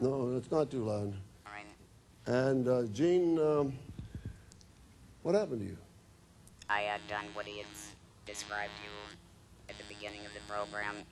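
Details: Woman whose larynx was removed and who was treated with radiation and chemotherapy, speaking with an electrolarynx, a battery device held against the throat that makes a beeper sound she articulates into speech; electrolarynx speech.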